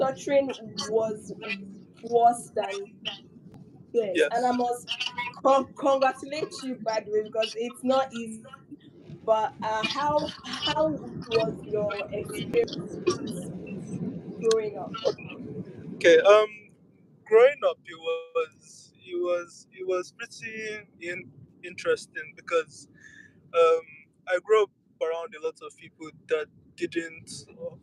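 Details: Adult speaker in conversation; stuttering.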